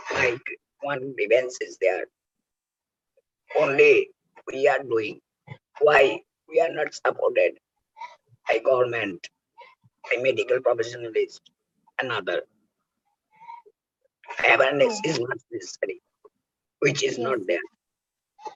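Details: Real adult male whose larynx was removed for cancer (total laryngectomy), now speaking with oesophageal speech learned by the injection method of taking air into the oesophagus; finding: oesophageal speech after total laryngectomy.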